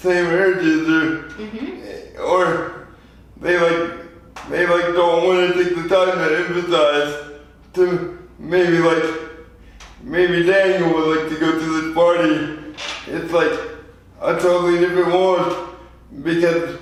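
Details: 24-year-old man with lifelong spastic quadriplegic cerebral palsy from premature birth at 2 lb 4 oz; dysarthria (cerebral palsy).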